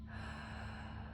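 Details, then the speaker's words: Nursing assessment, adult with pulse 70 and SpO2 98% on room air, deep breaths in and out, stethoscope on chest: steady rushing airflow, no crackles or pops; normal breath sounds. "They sound pretty good. No crackles, no snaps, no pops."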